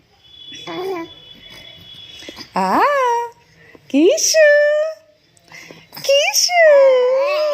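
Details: An almost 2-month-old baby cooing: soft vowel-like coos and gliding babbling sounds in a quiet room, typical of normal early vocal development.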